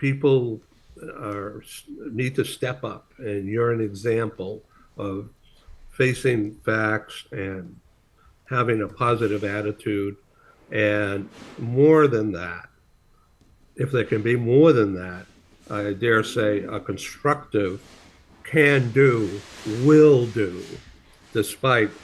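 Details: Adult male speaker; plain speech.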